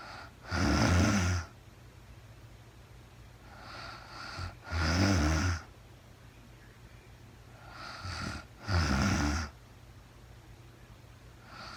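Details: Woman sleeping, real-time recording: deep, rumbling snores about every four seconds, roughly 15 a minute, with soft breathing between them; steady snoring during sleep.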